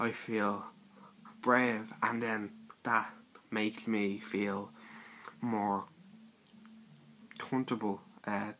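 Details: Stuttering (stammer) in a male speaker describing his own speech in a personal series.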